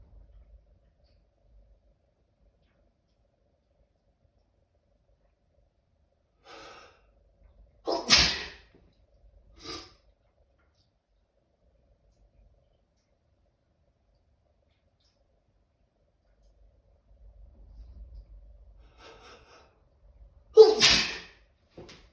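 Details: A small animal, likely a cat, has a sneezing fit: a few sharp sneezes, each preceded by a quick soft intake of breath.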